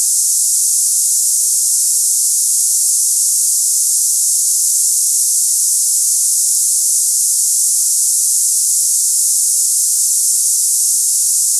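Steady, unbroken high-pitched hiss like cicadas; a simulation of hissing tinnitus for comparison with ringing ears.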